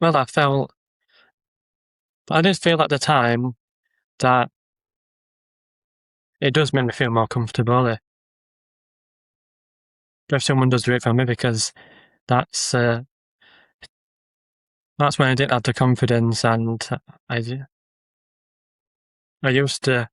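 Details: Adult man with a stammer who makes social media videos of ordering and talking to people to build confidence; word and phrase repetitions and pauses; stammering (stuttering).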